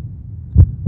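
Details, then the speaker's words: Normal heart sounds, a doctor listening to their own heart through a stethoscope: a dull low thump of a heartbeat with a second beginning at the end. "so what i'm going to do is listen to patients hearts and we use the stethoscope to do that okay i don't have a patient here i should probably find one but for now we can just listen to my own"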